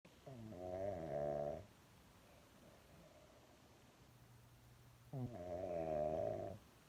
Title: My snoring Shitzu